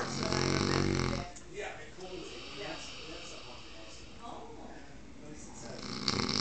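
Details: Person in deep sleep: a loud, rough, rattling snore on inhalation, then quieter breathing, with another snore starting at the end; snoring.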